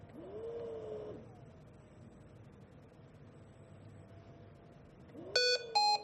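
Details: Hamilton T1 ventilator service test with the expiratory valve exhaust port blocked by film: quiet room, a brief tone, then a pair of sharp electronic beeps, the exhalation obstructed alarm.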